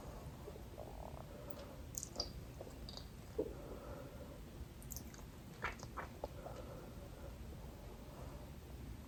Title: salivation & stomach growling | best video ever